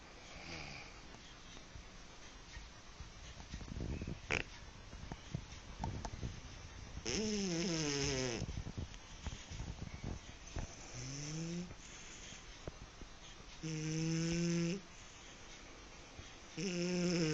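Soft, rough breathing noises with a few higher, squeaky snore-like tones over room noise: a sleeping kitten snoring.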